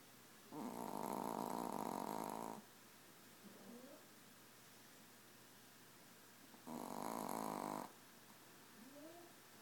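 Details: Little 4-pound Yorkie dog snoring like a chain saw: two long, loud rattling snores about six seconds apart, each followed by a faint whistling breath, in a quiet room.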